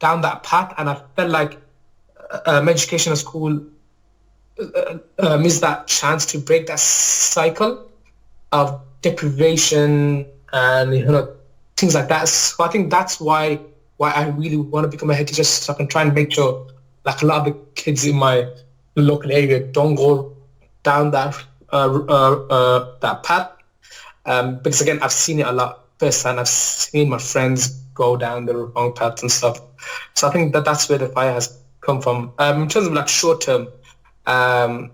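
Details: Adult male teacher, real, with a lifelong stammer since childhood that he describes as neurological, mainly blocking type on words and sounds, worse when nervous; finding: stuttering (stammer).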